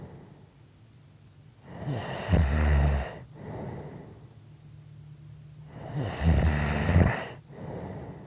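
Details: Two loud, deep rattling snores on the breath in, about four seconds apart, each followed by a softer breath out; snoring.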